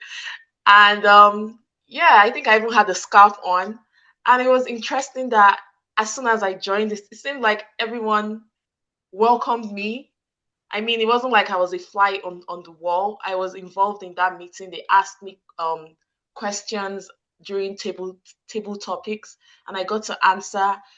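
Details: Stuttering in an adult woman, present since childhood, with word repetitions; she struggles to get some words out and sometimes squeezes her hands to get them out.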